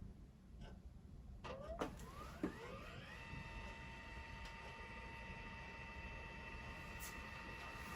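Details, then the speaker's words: Infusion pump used on newborn intensive care transport, switched off by holding the on-off button 3 seconds: a rising mechanical whine of the drive moving, settling into a steady tone over low room hum as it shuts at power-off. "So turn the pump back on. When I go to turn it off, it should shut."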